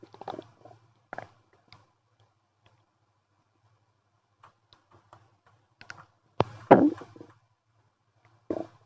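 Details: Active stomach and bowel noises after eating a wrap with chicken nuggets and sauces plus a cup of milk tea; the person says they have never been this loud before.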